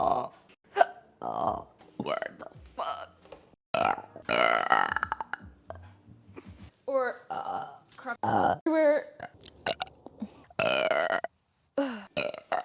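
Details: Many long, drawn-out, voiced belches from a woman, one after another, some rising and falling in pitch, with brief gaps; she says she burps way too much; repeated burping from a burp compilation.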